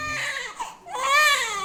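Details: Newborn's strong, clear wailing cry in two bursts, rising and falling in pitch, in a small maternity room during a delivery attended by a midwife: a healthy newborn cry.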